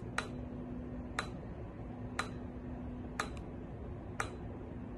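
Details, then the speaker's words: Sharp, regular clicks about once a second over a steady low hum: slower-rhythm pulses on the right side of a transcranial magnetic stimulation coil, day 4 of treatment for depression and anxiety, with sides treated one at a time. "fast tapping on the left side. And the slower tapping on the right side."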